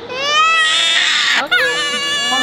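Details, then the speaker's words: Infant girl's pain cry during her first ear piercing: sudden loud, high-pitched wailing with a brief catch of breath, then crying again. "यह दर्द होता है यह दर्द होता है यह ठीक है इसे मत छुओ हालांकि ठीक है"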